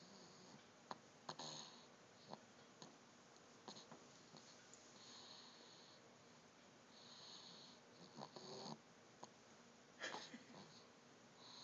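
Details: A sleeping person snoring lightly: soft, irregular snorting breaths and faint snuffles over steady room hiss, recorded on a phone.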